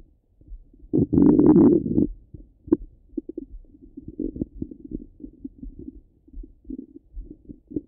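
One longer gurgle, then a run of quick, soft bubbling clicks and gurgles: ordinary stomach rumbling from active bowel sounds.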